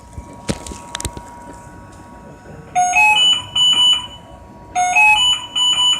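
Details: Repeated high electronic alarm tones in short bursts over room noise: a ventilator low inspiratory pressure alarm during an in-line aerosol nebulizer treatment.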